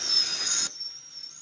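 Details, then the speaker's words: Real patient guided implant surgery: a high-pitched drill whine cutting off in under a second, leaving a faint hiss, as the implant drill widens the site in the jaw; dental implant drill. "we're going to start our osteotomy with the 2.2 drill guy to drill foreign ERS"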